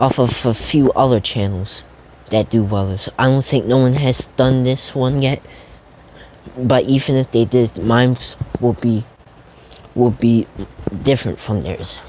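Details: Stuttering, self-reported by a male narrator who says he stutters a lot, with repeated words while narrating a fan story.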